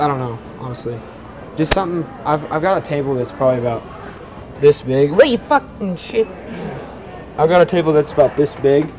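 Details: Vocal tics, with swearing outbursts mid-conversation, in a man who says he has Tourette syndrome; this appears to be a staged prank, so the tics are likely acted.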